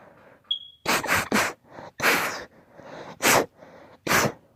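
A quick run of about six sharp, explosive sneezes with short breaths between, a sneezing fit from allergy.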